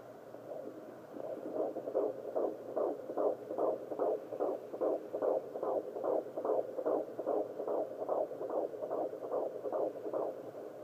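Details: Fetal heart tones on a fetal heart rate monitor (Doppler): rapid, regular whooshing pulses at about 145 beats per minute.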